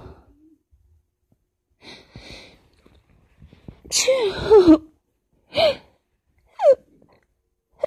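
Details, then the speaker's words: Person trying to stifle sneezes described as almost too strong to stifle: gasping in-breaths build to several brief forced bursts with a squeaky vocal edge; stifled sneezes. "These are almost too strong to stifle, but not quite."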